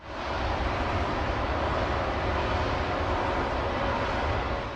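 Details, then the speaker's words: Simulated wind-type tinnitus: steady, unbroken rushing wind-like noise with low rumble, described as constant 24-hour wind in the ear, typical stress-related tinnitus. "귀에서 24시간 바람소리가 끊이질 않아요 라고 말씀하시는데요. 정말 대표적인 스트레스성 이명입니다."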